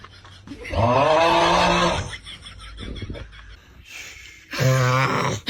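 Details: Father's short snorting snores between loud bursts of crying from a startled baby disturbed by the snoring.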